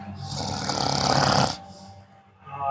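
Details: One loud, rough inhaled snore lasting about a second, from a best friend after a meal, with music and room noise in the background; snoring.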